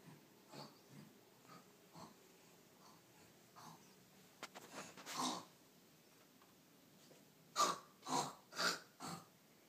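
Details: Sleeper at a sleepover: short snorting breath sounds growing louder toward the end, with a quick sniffing burst in the middle; snoring.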